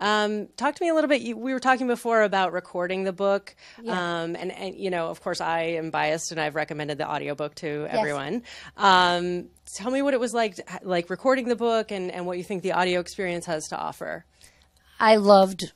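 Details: Adult woman speaking; normal voice.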